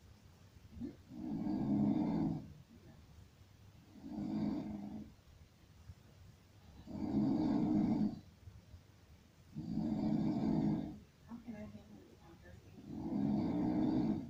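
Five loud, rough, rattling snores, about 20 a minute, with short quiet gaps between them; typical snoring.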